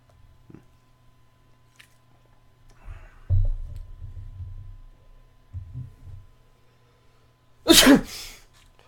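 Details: Acted comedic sneeze: quiet room with faint sounds, then one loud explosive sneeze near the end.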